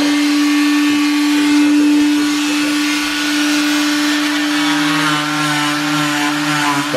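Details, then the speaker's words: Cast removal from the foot during recovery: a loud, steady, high-pitched whine of an oscillating cast saw grinding through cast material; the patient says it vibrates and tickles the foot. "Sorry, kind of loud. Okay. It like vibrates my foot. It kind of tickles."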